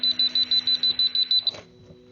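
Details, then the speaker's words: Ventilator overpressure alarm from an EZ-Breathe veterinary ventilator on a test lung (demonstration, no patient): rapid high-pitched beeping, about ten beeps in 1.5 seconds, when pressure rises (flow too high or bag squeezed), stopping once pressure returns to normal. "again we hear the overpressure alarm in most cases the overpressure alarm is just temporary"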